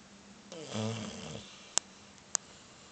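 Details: Recorded 2010-11-22: a single rattling, snorting in-breath snore followed by two sharp clicks; snoring.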